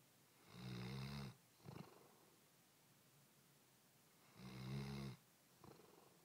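Two rumbling snores on breathing in, each followed by a softer breath out, about 14 breaths a minute: ordinary snoring.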